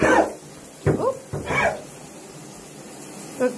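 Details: Dog (Maggie) with bad allergies, on Benadryl and finishing Augmentin, coughing in a steamy bathroom: a few short, dry hacking coughs that mimic kennel cough; owner considers she could have picked up kennel cough on walks.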